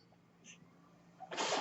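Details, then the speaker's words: A man's own ventilator heard while he records a podcast: a faint steady hum, then a sudden loud rush of airy hiss near the end as the home mechanical ventilator delivers a breath. "My name is. That noise you hear is my ventilator."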